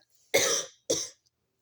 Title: oh wow, another voiceover (announcement) (insert coughing)